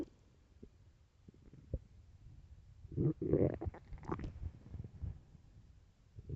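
Low gurgling, rumbling bowel sounds that rise into a longer growl midway through, typical stomach growling of an empty stomach.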